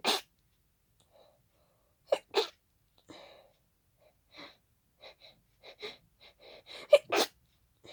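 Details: Hay fever sneezing fit triggered by pollen: several loud, explosive, congested sneezes in quick succession into tissues, with sniffs between them.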